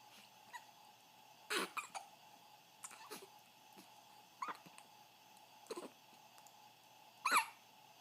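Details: Run of hiccups at 2:30 AM: repeated short, sharp, sudden sounds a few seconds apart over a quiet background.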